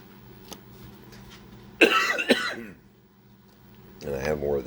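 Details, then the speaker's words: Adult man with morning congestion gives a couple of harsh cough bursts, then a voiced throat clear, in a quiet room: cough with throat clearing. "Oh, that morning congestion. My favorite."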